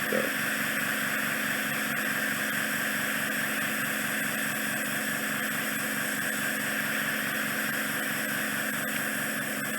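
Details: Steady loud hissing suction roar with no breaks during endoscopic microsuction, clearing remaining wax from a woman's ear canal after a large impacted lump was removed from the isthmus.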